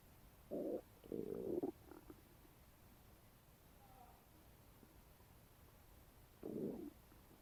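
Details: A few short gurgling, rumbling stomach bursts with quiet between them, heard after eating a bagel; ordinary bowel sounds (borborygmi).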